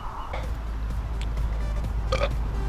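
A short, guttural belch rises above loud, rumbling background noise and music.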